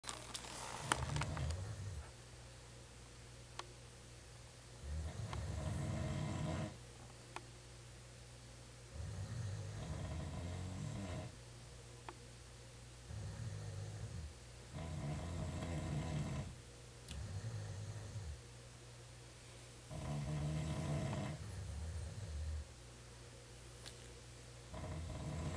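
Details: Low, rumbling snores repeating in steady cycles with quiet pauses between breaths.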